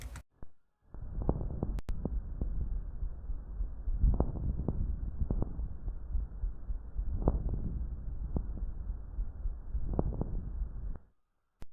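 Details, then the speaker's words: Pleural friction rub: low, grating creaks with each breath over a muffled chest, made by the two pleural layers rubbing when pleural fluid is reduced or absent; rhonchus-like but not cleared by coughing, heard through the whole respiratory cycle, predominantly on inspiration. "auscultaremos este ruido similar como un roncos pero que no va a desaparecer con la tos y en todo el ciclo respiratorio Aunque va a predominar en la inspiración"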